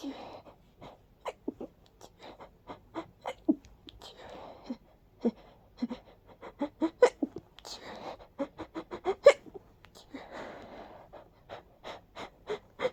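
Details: A long run of quick, breathy little sneezes with short gasping breaths between, from a person whose allergies are flaring badly and who felt light-headed afterward; allergic sneezing.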